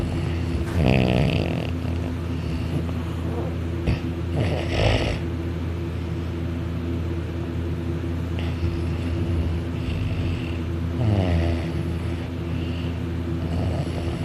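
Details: Dakota napping on couch on his back, arm over head, mouth open, drooling: loud rattling snores recurring through each breath, some higher pitched, over steady hum; heavy snoring.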